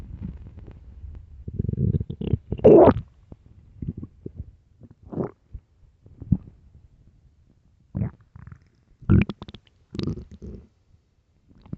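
Low gurgling growls and squeaky bubbling rumbles come in irregular bursts with quiet gaps; ordinary hunger-related stomach growling.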